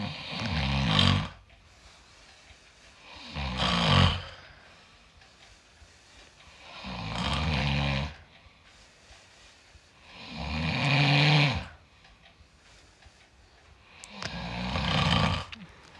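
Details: Husband snoring in sleep; loud, rough snores on each in-breath, about 4 a minute, with quiet pauses between.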